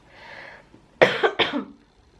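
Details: Person ill with a viral infection: two sharp, loud coughs in quick succession with a short rough tail after a faint breath in; acute cough.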